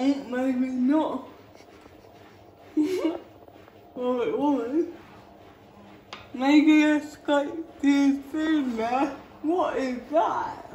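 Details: Female with cerebral palsy talking while feeding herself with a Neater Eater feeding aid; dysarthria (cerebral palsy), inferred rather than stated as a diagnosis.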